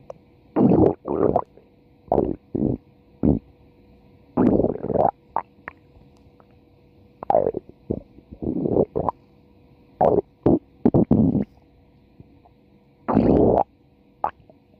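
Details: A female subject's stomach growling (borborygmi) from a 4-minute recording: repeated gurgling, rumbling bursts of varying length separated by quiet gaps.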